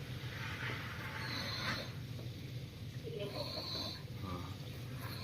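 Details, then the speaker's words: Snore-like stridor: coarse, noisy breathing through a narrowed upper airway in a sleeping person, to be told apart from bronchial breath sounds. "coba nih kan ini kayak ngorok dia tu dengar suaranya"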